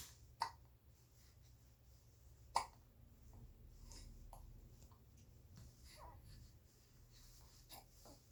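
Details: Happy 67-day-old baby: two sharp, sudden hiccups early on, then fainter catches amid soft, contented cooing; ordinary infant hiccups.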